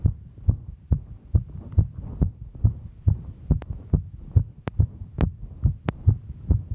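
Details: Heartbeat of a female while hiking: strong, regular thumps at about 140 beats a minute, fast with exertion.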